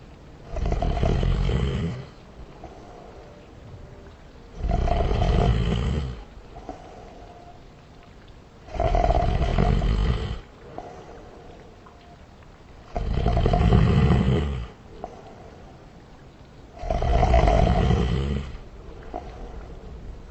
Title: Snoring [Slowed | Reverb]